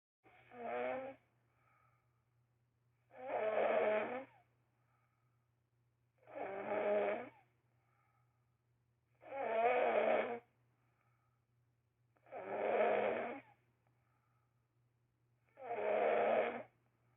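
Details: Six loud, rattling snores in a steady rhythm, about one every three seconds, over a faint background hum; very loud snoring.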